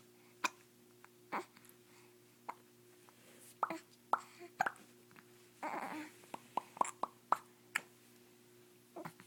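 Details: A young child with hiccups being filmed: repeated short, abrupt gulping sounds at irregular intervals, with a brief breath or voice between them; hiccups.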